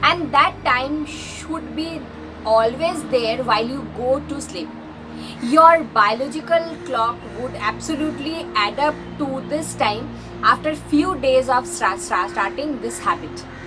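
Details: Female vlogger who identifies as a person who stammers; stuttering.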